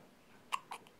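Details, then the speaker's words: Newborn girl with her first hiccups: two sharp, brief hiccup sounds followed by a faint third, in a quiet room. "That's her first case of the hiccups."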